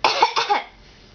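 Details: Girl's deliberate fake cough: two quick voluntary cough bursts, an imitation rather than an illness cough.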